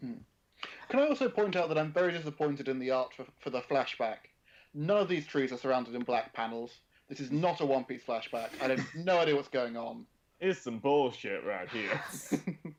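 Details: Adult male speaker; ordinary speech.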